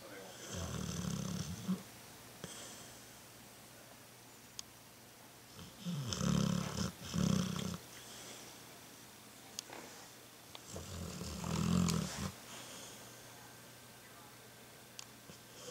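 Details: Dog sleeping behind a person: three loud, rumbling, low-pitched snores about five seconds apart in a quiet room, with faint ticks and clicks between them; snoring.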